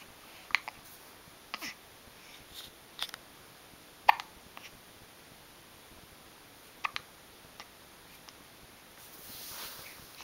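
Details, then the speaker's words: Baby hiccups, with the baby hiding from them: short, sharp, soft hiccups about 17 a minute, unevenly spaced, in a quiet room. "he's hiding from his hiccups."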